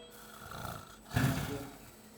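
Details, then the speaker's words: Patient in supine position during flexible endoscopy through the left nasal cavity in an apnea episode, vibrating palate seen, assessing circumferential versus other collapse pattern: a single low, rough, rattling snore burst over steady room hum. "important because first time sometimes you may see like circumferential collapse changing into anost collapse or anost collapse changing into circumferential collapse can you hear the snoring"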